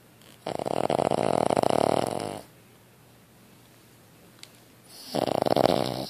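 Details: Cavalier King Charles Spaniel asleep: loud, fluttering snore on each breath with quiet pauses between; coarse snoring.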